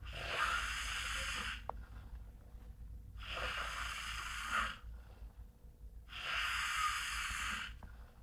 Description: a giant man snoring during winter